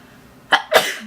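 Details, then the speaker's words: A person sneezing: a single sharp sneeze with a quick in-breath, then an explosive burst of air. "I need to sneeze. This smells exactly like the Oh, I never know when a sneeze is coming."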